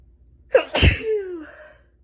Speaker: Okay, that's my second sneeze.